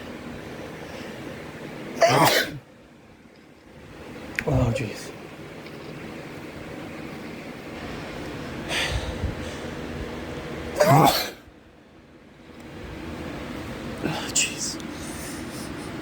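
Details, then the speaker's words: Four or five sharp, explosive repeated sneezes in a quiet room with fan hum, from a man sneezing from pollen pulled indoors by box fans after the AC broke; nose-blowing doesn't help. "i keep blowing my nose but nothing it doesn't help i just keep sneezing"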